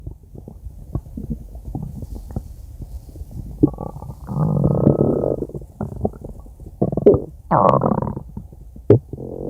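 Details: Gurgling, rumbling stomach growl with soft pops as gas and fluid move through the gut; borborygmi.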